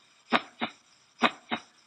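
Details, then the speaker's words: Veterinary semiology demonstration of cardiac auscultation: two paired lub-dub beats, a louder first sound from atrioventricular valve closure at contraction onset, then a softer second sound; normal S1 and S2. "Estábamos en la diástole, empezó a contraerse el corazón, hay un dum por el cierre de la válvula atrioventricular."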